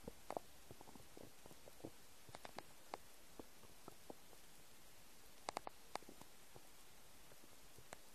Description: English: New noises of my empty stomach. I hope you like it :3 Have fun and enjoy :D